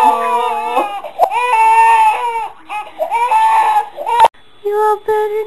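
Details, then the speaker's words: Baby crying after being startled by mother's big sneeze: sustained wailing cries with pitch rising and falling, broken by short gasping pauses; fussy infant cry. "for Mommy's big sneeze that scared you you all better"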